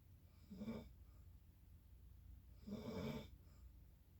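Two loud rattling snores on breathing in, about two seconds apart, in a quiet room.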